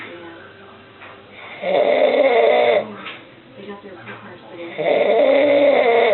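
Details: Father snoring in sleep: two loud, rough snoring breaths about three seconds apart with quieter breathing between, against faint room noise.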